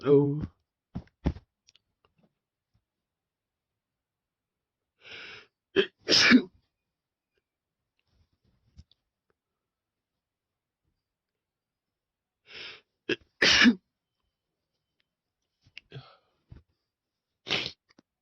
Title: 2nd time using chhinkni (big buildups + wet sneezes)